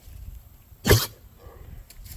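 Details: A single harsh, explosive cough from a rescued pet donkey that brayed with food in its mouth and choked on it, in a quiet outdoor setting; the owner says it is not a disease.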